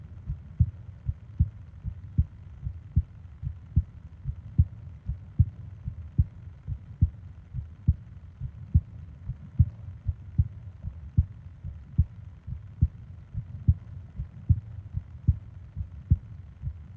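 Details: ASMR sleep-aid recording of heart and breathing sounds: steady low thumping heartbeat at about 75 beats per minute in a regular rhythm; a normal heartbeat.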